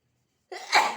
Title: hiccups cough and sneeze with text